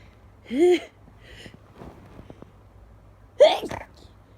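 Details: Person who just woke at 5 a.m., trying to stifle repeated sneezes: two sharp, voiced sneezes about three seconds apart, with a quick intake of breath before the second.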